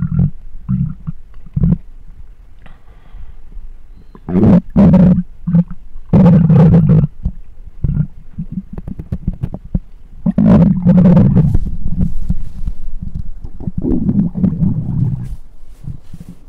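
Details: Stomach growls picked up by a microphone: loud, low rumbling and gurgling bowel sounds in irregular waves, ordinary stomach growling (borborygmi).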